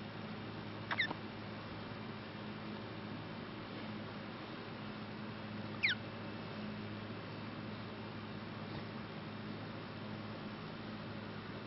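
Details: Baby with hiccups: two brief, high squeaky catches about five seconds apart over steady room hum.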